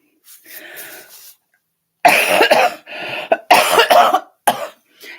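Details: Several harsh coughs in quick bursts with a throat clear, from an adult still pretty sick with a recurring illness, recorded during a live stream.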